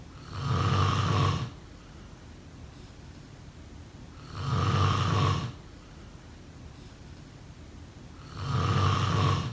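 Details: Three loud, rough, low snores about four seconds apart, roughly 15 a minute, with quiet between: snoring during sleep.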